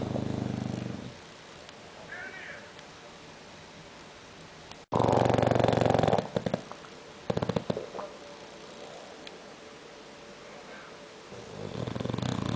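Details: English bulldog sleeping and snoring loudly: a few loud rumbling, fluttering breaths in a quiet room; snoring.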